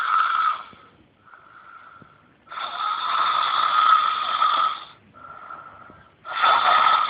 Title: Loud snoring by boy